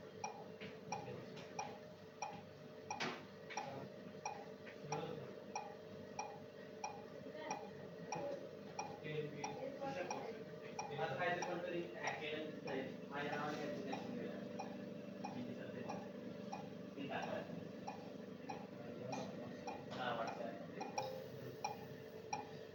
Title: Volume control mode on mechanical ventilator with different PEEP and artificial lung